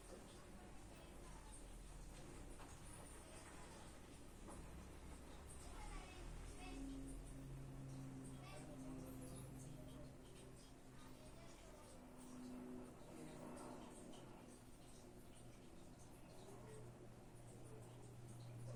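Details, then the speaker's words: Abdominal auscultation with a stethoscope in a female patient: soft intermittent gurgles over a low rumble, about 15 sounds per minute, within the normal 5–30 range; normal bowel sounds. "Bien, esta paciente tiene alrededor de unos 15 ruidos por minuto, lo que quiere decir de que está dentro del rango normal."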